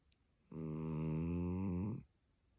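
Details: A single low, buzzing, rumbling breath about a second and a half long from a sleeping dachshund in a quiet room; dog snoring.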